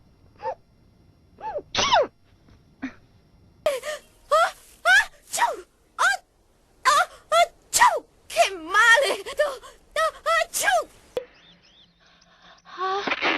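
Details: Compilation of acted cartoon sneezes from anime: each has a rising intake and a sharp burst, some with short gasps; sneezing.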